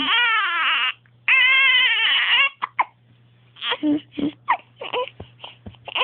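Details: Two long, loud wailing cries from a baby with hiccups, then short choppy sobbing bursts; infant cry.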